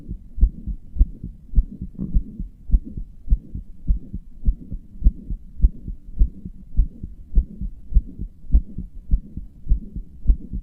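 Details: Regular heartbeat at about 100 beats a minute with a soft whooshing between the paired beats; a self-described weak, murmuring heart that also palpitates, which the person says they strained deliberately; heart murmur.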